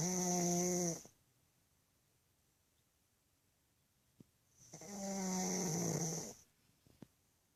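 Two loud, drawn-out whistling snores, each about a second long and separated by quiet pauses.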